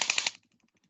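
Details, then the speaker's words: Radial shockwave therapy with the DC Master Touch on an adult man's shoulder held in external rotation, 1,000 impulses over the transverse ligament area to improve external rotation; rapid burst of about four sharp rattling impulses, then quiet. "So same again, a thousand impulses into that area. Chris is going to go external rotation and we're going to do exactly the same here."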